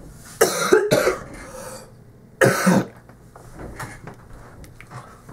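Three loud, harsh coughs from an adult: two close together, then a single one after a pause.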